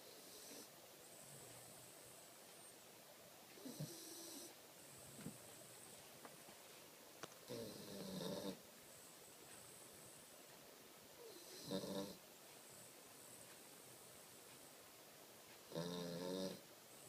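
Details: Snoring: four loud rattling, groaning snores spaced several seconds apart over steady background hiss.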